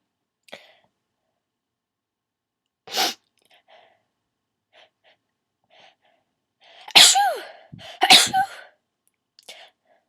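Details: Start of a sneezing fit with stuck sneezes: quiet breathy catches, then three forceful sneezes in quick succession with short pitched gasps between; the person later tries to hold sneezes in.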